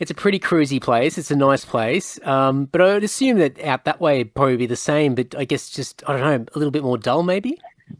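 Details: Adult man; typical speech.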